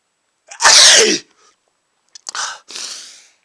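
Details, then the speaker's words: One loud explosive sneeze, then a second, smaller sneeze with a short breathy tail, after sniffing chhinkni sneezing powder; irritant-triggered sneeze. "I don't know I think I might sneeze again I don't know yep I sneezed again"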